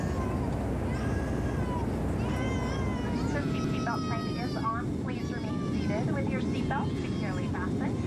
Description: I was on my way home from Arizona and there was this baby crying the entire flight.